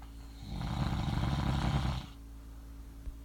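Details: Snoring from a sleeper who denies snoring: a single loud, low rattling snore lasting about a second and a half against a steady low room hum.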